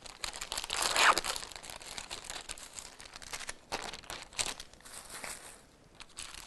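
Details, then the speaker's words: Sterile glove package opened and gloves donned during a Foley urinary catheterization procedure demonstration: crinkling and rustling of paper and plastic. "now I want to put on my sterile gloves"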